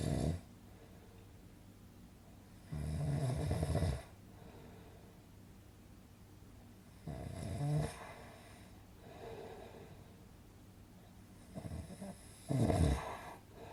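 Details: Low, rattling snores on each in-breath, roughly every four to five seconds, with quiet pauses between; a snoring sound effect; snoring.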